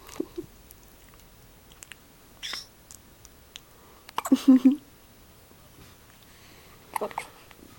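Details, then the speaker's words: 3-day-old newborn girl with hiccups after feeding too fast, also sneezing: brief soft hiccup sounds scattered a few seconds apart in a quiet room; ordinary infant hiccups. "There's nothing to do for hiccups. Scare her. Yeah. She's gonna hiccup herself to sleep."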